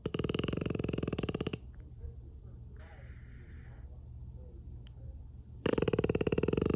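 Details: Sleeping French bulldog: loud, buzzing, fluttering snores, separated by a quiet pause; snoring.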